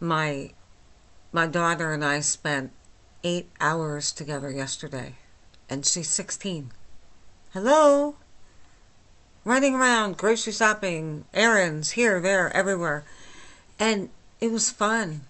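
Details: Adult woman with myasthenia gravis since age 8, lifelong swallowing and talking problems and double vision, speaking without her speech appliance; hypernasal dysarthric speech, understandable but not perfectly.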